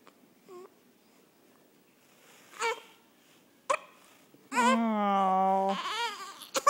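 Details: Infant with hiccups, waiting for lunch near feeding time: a few short hiccup catches and fussy sounds, then a sustained wailing cry and a brief whimper. Infant fussing and crying.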